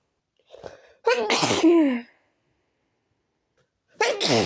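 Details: Repeated sneezes induced with chhinkni (sneezing) powder, stifled and loud: a soft stifled sneeze, then a loud full sneeze and another starting after a pause; sneezing attack.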